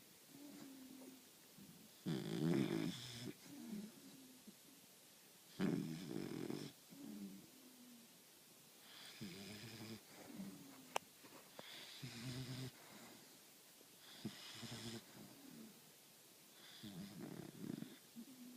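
A young puppy snoring softly, with rough breath sounds repeating every few seconds between quieter stretches; ordinary sleep snoring.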